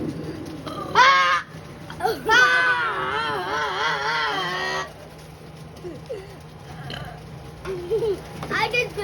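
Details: Burping contest: a long, drawn-out voiced belch with a wavering pitch, plus a shorter one before it, against background chatter; deliberate burping.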